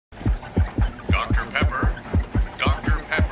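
Steady, fast, low lub-dub thumping with faint musical sounds behind; a simulated heartbeat running a little faster than normal.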